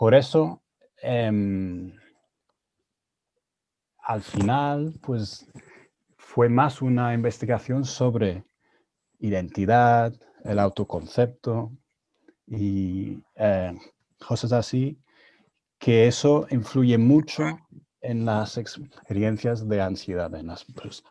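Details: Adult man who stutters, speaking Spanish learned after moving to Spain at 22; he says his stuttering was more severe in Spanish; stuttering.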